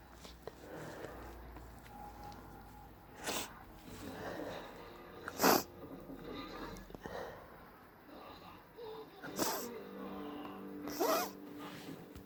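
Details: Repeated sneezing, some induced and some not, from itchy hay fever or cold: several sharp sneeze bursts spaced across the recording amid sniffing and nose-blowing noises.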